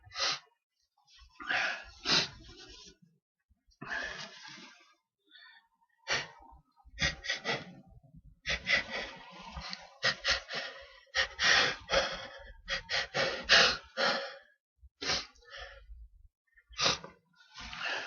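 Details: Natural, uninduced sneezes caught on the second day of recording: a run of sharp, hissing nasal bursts with gasping in-breaths between them in a small room; repeated sneezing.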